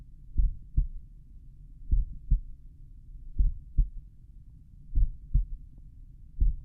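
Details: Own heart recorded at the mitral valve area while lying on the back, playback slowed; heart sounds.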